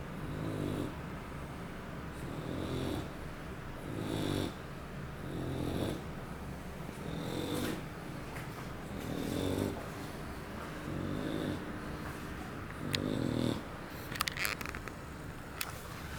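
Loud, regular rattling snores from a sleeping bulldog, about 8 breaths a minute, with some rustling near the end.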